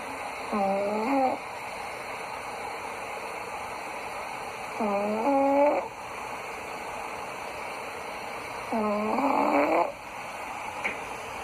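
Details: Snoring from a sleeping cat: soft, slightly whistling snores, about three in ten seconds, over steady room hiss.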